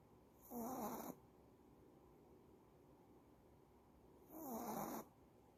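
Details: Female dog asleep, possibly tired, snoring: two drawn-out, rattling snores about four seconds apart in a quiet room.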